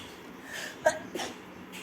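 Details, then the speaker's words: Two quick, sharp, stifled sneezes in close succession from a girl in a quiet room, part of a repeated rapid sneezing fit: sneezing. "okay I got to take the hat off maybe that's it oh my gosh okay I'm going again oh my gosh okay I'm alive"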